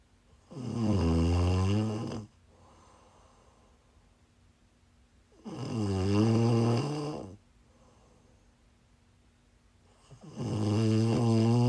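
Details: Woman snoring while sick: loud, deep, buzzing snores on each breath in, about twelve a minute, with quiet breaths out between them.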